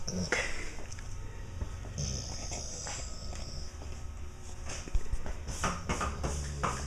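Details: Yellow Labrador dog sneezing: a few short, sharp snort-like nasal bursts of air in a small quiet room with some shuffling.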